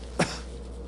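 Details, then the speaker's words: Single short, sharp imitated cough by a clinician demonstrating the choking cough of failing swallowing in bulbar dysfunction, a sign raising concern for motor neuron disease. "And furthermore, the patient will be coughing."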